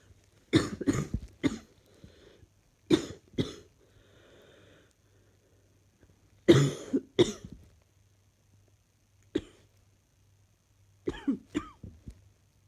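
Several bouts of short coughs in clusters of two or three, fairly soft, in a quiet room.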